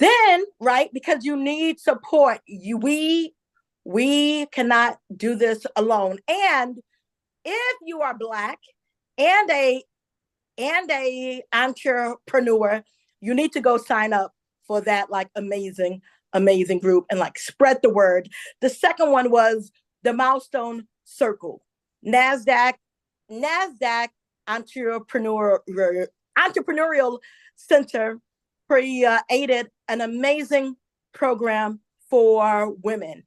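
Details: Adult woman, self-described stutterer; stuttering.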